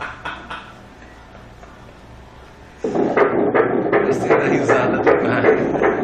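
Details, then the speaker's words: Fetal heartbeat at seven weeks of a twin pregnancy on ultrasound, the sound from the twin on the mother's right side. "ó esse barulho é do coração da que está do lado direito seu viu"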